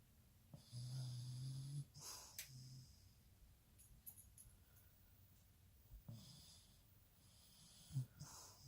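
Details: 14-year-old puggle sleeping gives a low rumbling snore on an in-breath, then quieter snorting breaths; snoring.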